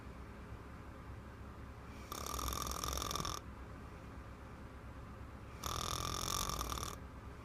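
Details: Little girl snoring heavily: two loud, harsh, rattling snores on the in-breath with quiet breathing between, about 17 breaths a minute; heavy snoring.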